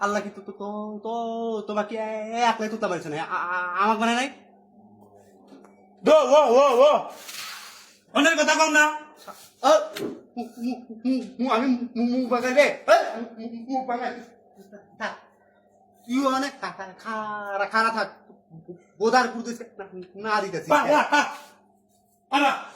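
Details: Acted stuttering by a character in a comedy skit about two people who stutter, continuing a longer exchange; stuttering (acted).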